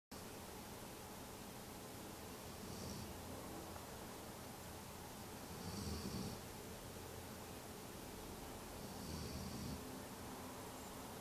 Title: Snoring Drahthaar